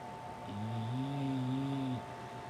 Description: English Bulldog Refuses to wake up, snoring with eyes opened.